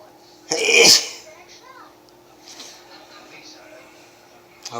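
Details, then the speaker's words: Late-night sneezing around 3 a.m. in a tired, dizzy person; one loud, explosive sneeze followed by quiet breathing against room hum. Sneezing. "These are late night sneezes. It's like 3 o'clock in the morning, and I didn't want to go to bed until I got this out of the way."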